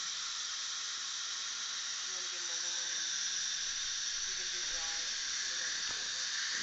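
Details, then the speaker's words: Dental implant screw retrieval with a stripped abutment screw head: a steady loud hiss of dental suction with faint squealing as debris from metal-on-metal rubbing comes up out of the screw hole. "Oh suction that there's a lot of stuff coming up look it all up me zoom in on that you see what's coming up"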